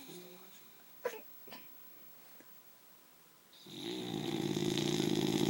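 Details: Sleeping boxer dog snoring: a quiet stretch with a few soft noises, then a loud, rough, rising snore.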